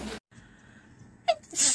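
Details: Sneezing: a sharp catch of breath followed by a quick, hissing sneeze burst.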